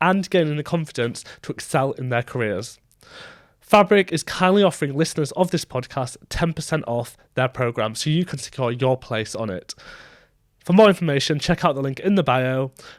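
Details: Adult male speaker; normal speech.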